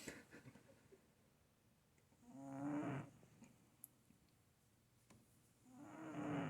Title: 4 minutes of my cat snoring